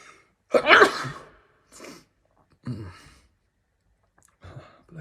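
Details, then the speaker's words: One loud, explosive sneeze followed by a few softer breathy sounds; an ordinary sneeze. "Bless me. I told you I was gonna sneeze."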